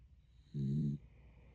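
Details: Sleeping dog snoring: a single short, low, rumbling snore.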